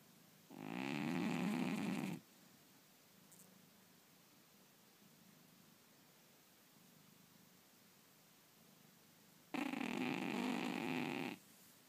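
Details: Sleeping cat snoring while dreaming: two rasping, fluttering inspiratory snores about nine seconds apart, quiet in between; harmless snoring.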